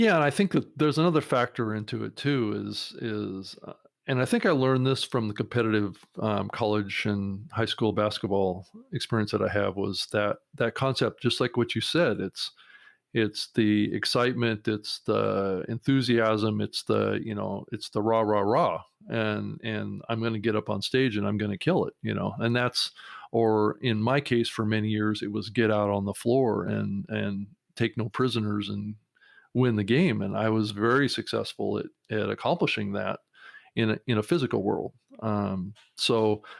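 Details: Adult man stuttering since about age six or seven, still struggling at times with hesitations, word repetitions, filler words and word substitution; mild disfluency here; stuttering.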